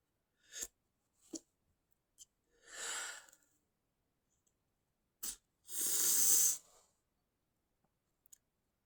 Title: stifled inducing sneezing, sometimes stifled rapid sneezing